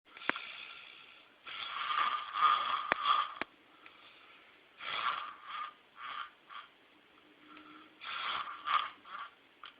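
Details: Very loud snoring, rated 64 dB by a snore app: loud, rough, rattling snores in irregular bursts with snorting sounds between them.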